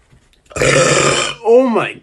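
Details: A man's burp: a long, loud, rumbling belch followed by a short voiced sound.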